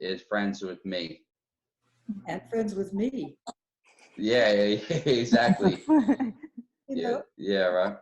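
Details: Adult woman with aphasia, speech in broken fragments with long pauses; aphasia.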